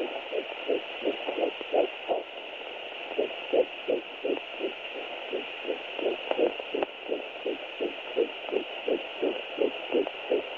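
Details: Fetal heartbeat in pregnancy: rapid, regular whooshing beats at about 160 beats per minute over a steady hiss.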